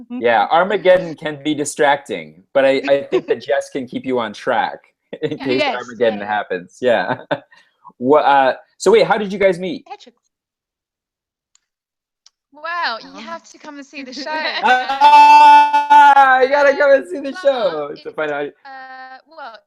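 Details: Adults in conversation; ordinary conversational speech.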